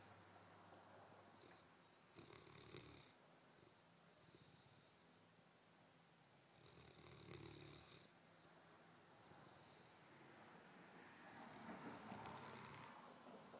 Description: Sebastian the one year old Landseer Newfoundland snoring on his bed on a beautiful Sunday morning.